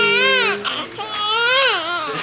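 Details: Loud, clear wailing cry with rising and falling tone from a newborn after 2 days in the nursery; a normal healthy hungry cry.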